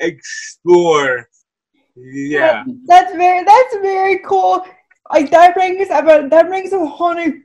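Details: Dysarthria from cerebral palsy in a woman who says her speech is clearly affected by the condition.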